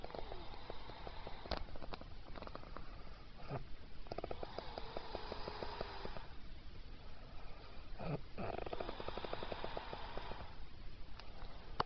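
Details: Two long, rough, rattling snores on breathing in, separated by a quiet pause, over steady room noise.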